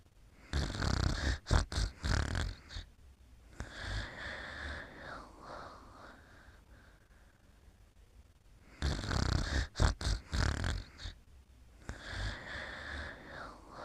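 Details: Snoring during sleep at bedtime: deep rumbling snorts in two bursts separated by quieter breathing.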